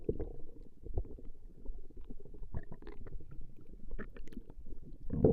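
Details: Stomach growling recorded from a woman over a 20-minute session: continuous low rumbling and gurgling with irregular bubbling pops as gas and fluid move; borborygmi.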